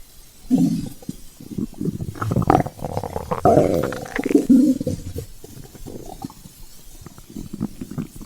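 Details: Stomach growling from hunger (ASMR recording): prolonged low gurgling and rumbling with bubbly squeaks lasting several seconds; normal borborygmi.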